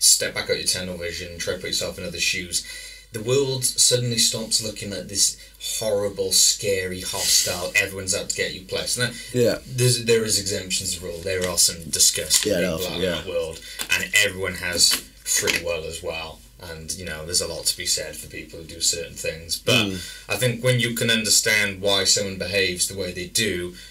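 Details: Adult male speaker; typical speech.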